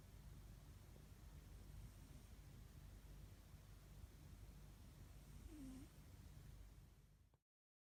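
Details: Sleeping cat snoring: soft, low, rumbling breaths in steady rhythm; gentle snoring.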